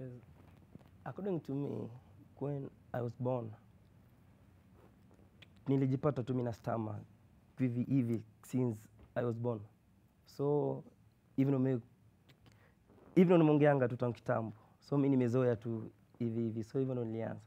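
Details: University student who has stammered since birth, with blocks, prolongations and repetitions; he reports it worsens with anxiety or in public. Finding: stuttering.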